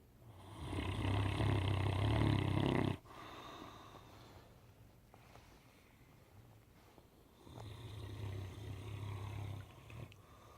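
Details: A sleeping 10-month-old Great Dane puppy snoring: loud, low, rattling snores on the in-breath with quieter breathing between them.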